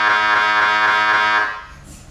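Loud, harsh, rapidly pulsing buzz that cuts off after about a second and a half: MRI scanner running a sequence.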